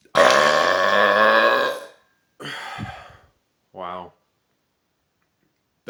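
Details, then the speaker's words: Person drinking a 1.25-liter Coke Zero: one long, loud, deep burp lasting nearly two seconds, described as fizzy and loud, then two shorter burps; deliberate burping. "was a mix of fizzy and loud I love it"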